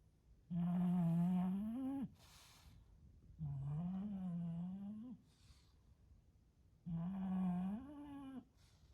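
Loud, drawn-out rumbling snores with a musical, whining pitch, about three in twenty seconds, each lasting over a second; heavy snoring in a flat-faced dog.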